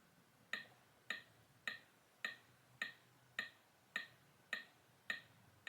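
Regular sharp ticks at about 105 per minute from an AED trainer's CPR metronome, pacing chest compressions.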